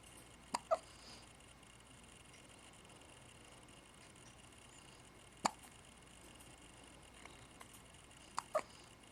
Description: having hiccups